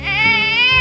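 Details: Newborn with reflux and frequent non-stop crying: brief sustained high-pitched wail, a continuous cry without breaks; infant crying.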